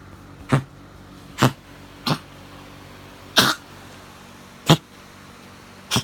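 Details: Coughing at 3am from a pet that vomited white foam 30 minutes later, tried to eat it, and became aggressive when stopped.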